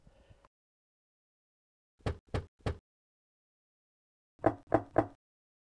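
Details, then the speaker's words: Osteophony of the upper limbs: a stethoscope on the manubrium while each olecranon is percussed. Two sets of three taps, the second louder and fuller; unequal sound transmission suggests fracture or dislocation on the affected side. "well there you go the sounds are different which means that there's some type of disruption either a fracture or a dislocation on the affected side of the body"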